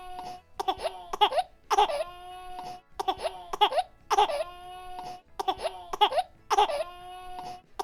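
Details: Infant crying.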